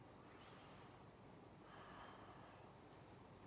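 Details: Adult undergoing a breathing physical examination: a soft, steady rush of air through a stethoscope swells mid-clip with a deep open-mouth breath; normal breath sounds, no added noises, over a faint hiss.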